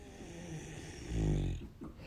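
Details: One low, rattling snore during a breath in over quiet room noise; snoring, recorded 1/10/2023.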